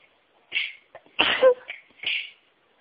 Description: Had another wonderful sneeze fit whilst listening to other sneezes - they definitely get my nose tingling!